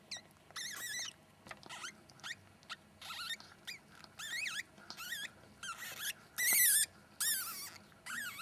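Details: First sable ferret kit just born, blind and hairless, as the mother cleans it: repeated thin, high-pitched chirping squeaks with wavering pitch; newborn ferret kit cries.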